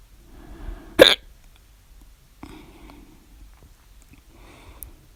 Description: I got the Loud, Second Hiccups at 12:24 A.M. in the morning today.